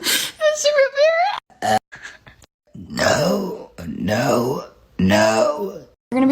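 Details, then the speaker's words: Young woman burping after root beer: several long, loud, croaky voiced belches run together with brief talk between; repeated burping. "Root beer gives me burps. >> Root beer gives me the burps."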